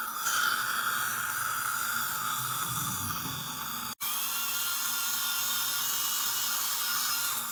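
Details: Dental assistant training demo: slow-speed prophy angle polishing a patient's lingual tooth surfaces with light intermittent swipes, one to three seconds per tooth, during clinical polishing. Continuous whirring motor with brief interruptions.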